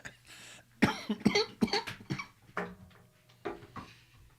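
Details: Adult coughing fit during a recorded meditation session, followed by wheezing: about eight harsh, irregular coughs with short gaps between them.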